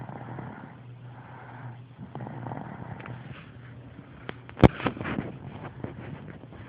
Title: Snoring like a grown man lol